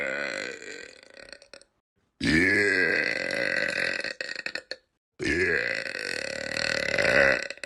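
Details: Two long, loud, voiced burps with gurgling rumble, separated by a short pause, from a male in a burp compilation; ordinary belching.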